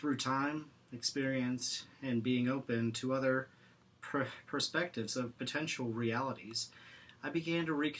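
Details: Stuttering in a man who stutters and practices Acceptance and Commitment Therapy, with pauses and blocks between words.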